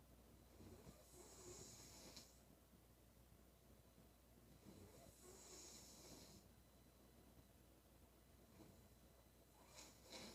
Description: Crazy Snoring noise😨 she is really crazy